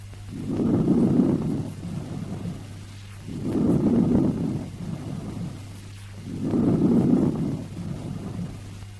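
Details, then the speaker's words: Normal lung tissue auscultated with the stethoscope diaphragm: inspiration louder, higher pitched and 3–5 times longer than the very short audible expiration, with no pause between them; normal vesicular breath sounds. "In the vesicular breath sounds heard over normal lung tissue, the inspiration is louder and higher pitched than expiration. Inspiration is 3 to 5 times longer than the expiration because audible component of the expiration is very short."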